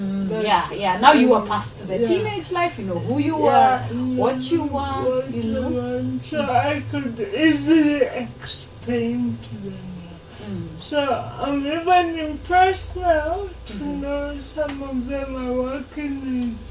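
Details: Dysarthria in a 26-year-old woman with lifelong cerebral palsy, who learned to talk much later than other children; real, not acted.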